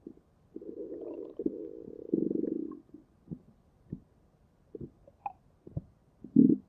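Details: Long low gurgling rumble, then several short gurgles and pops from the stomach; borborygmi (stomach growling).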